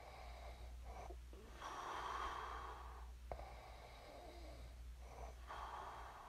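Soft, rough, fluttering breaths with a low snort, over a steady room hum: light snoring in sleep.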